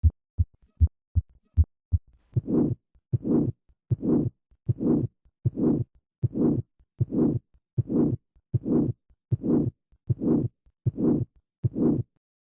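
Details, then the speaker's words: Aortic stenosis: systolic ejection murmur from turbulent flow across the stenotic aortic valve, peaking late in systole, unlike an innocent murmur. "This systolic ejection murmur reflects turbulent flow across the stenotic aortic valve. In contrast to an innocent murmur, this murmur peaks late incyil. Notice the late peaking of this murmur."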